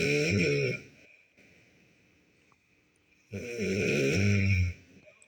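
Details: A sleeping cat gives two loud, drawn-out rattling snores about two and a half seconds apart, with quiet breathing between them.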